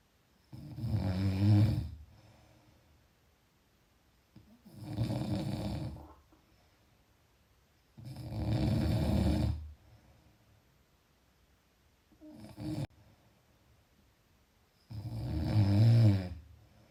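Loud, low, rattling snores on the in-breath, about eight a minute with quiet pauses between, typical of snoring.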